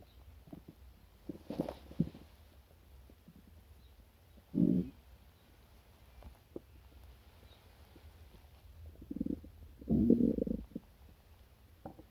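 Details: Stomach growling after a sweet breakfast of chocolate milk: irregular gurgling, rumbling bursts from the abdomen as gas and fluid move through the gut.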